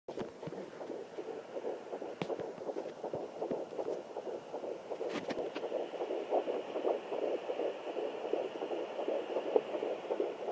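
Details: Fetal heartbeat on a handheld Sonoline B fetal Doppler: fast, steady whooshing pulses, roughly 160 beats a minute.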